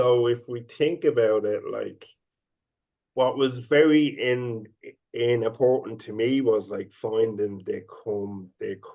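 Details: Adult man who stutters, speaking openly with his stammering left in; stuttering.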